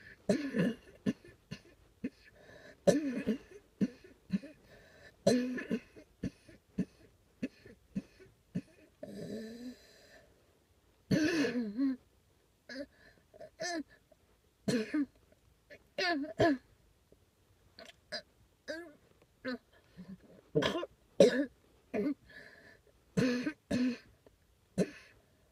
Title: coughing